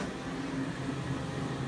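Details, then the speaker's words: Loud steady rushing air with a low hum: a cold-air cooling device numbing the skin instead of lidocaine before a second laser tattoo removal treatment. "Um, I like to use the cold air instead of any kind of numbing ingredients because we want your body to worry about breaking down that ink, not worrying about breaking down lidocaine or anything that we put on your body. So, it's going to be a little bit loud in here."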